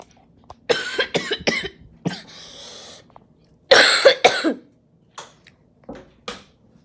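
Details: Repeated coughing in short bouts, about ten coughs, with a harsh drawn-in breath between bouts and a few softer coughs at the end; a coughing fit.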